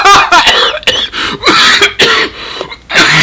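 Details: Loud, harsh coughs in quick succession, a sustained coughing fit from a gamer during play, recorded close to the microphone.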